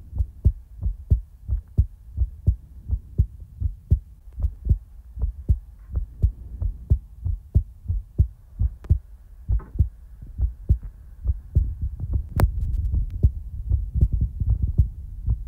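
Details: Steady, regular low thumps at about 70 beats a minute with some rustling near the end, recorded for ASMR in real time; normal heartbeat.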